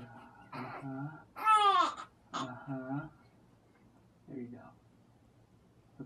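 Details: One-month-old infant sleeping only an hour at a time: a few short, fussy cries and whimpers in a quiet room; colicky baby.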